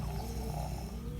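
Low, steady rattling snore from a chicken's airway, typical of the snoring respiratory illness in poultry.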